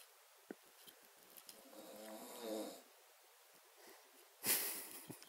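A rough, rattling snore on a breath in a quiet room, followed by a short snorting breath. Plain snoring.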